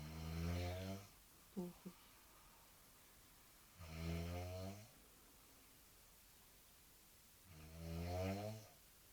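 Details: Sleeping girl's loud, deep, rattling snores about every four seconds, roughly 16 a minute, with quiet pauses between breaths; filmer insists it is genuine, unedited snoring; heavy snoring.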